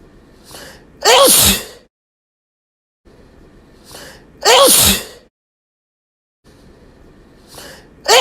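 Two loud, wet, explosive sneezes, each with a short breath in first, and the start of a third; repeated sneezing.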